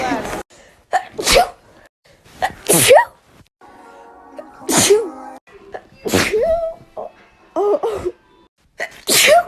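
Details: Natural sneezing compilation: about eight sharp sneezes in a row, each preceded by a quick breath in, with faint music in the background.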